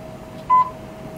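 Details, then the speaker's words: Class IV therapy laser on the lower back, demonstrated for a presumed L4–L5/L5–S1 herniated disc and applied in slow circles: a single short clear electronic beep signalling emission, in a quiet room. "some laser is on again I want to do this circular motion just nice and slow"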